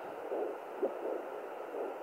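Slow, whooshing pulses over doppler static: the mother's own heartbeat, much slower than a fetal heart.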